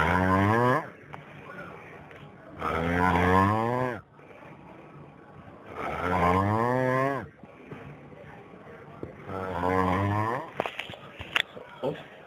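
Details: Snoring from an adult who reports severe obstructive sleep apnea with oxygen deprivation: loud, rough, buzzing snores on each breath in, about four in twelve seconds, with quieter breathing between.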